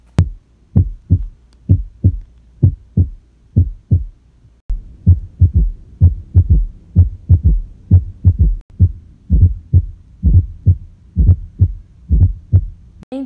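Regular paired heart sounds, lub then dub, at about 64 beats a minute: normal S1 and S2.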